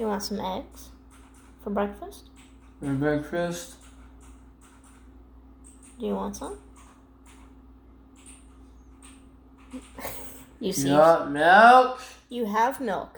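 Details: Child or young person speaking in a small room; vocal tics (repeated phrases).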